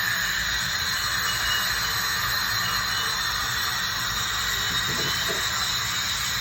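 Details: Dental hygienist performing ultrasonic scaling to remove tartar and plaque: continuous high-pitched squeal and hiss with water spray from the ultrasonic scaler.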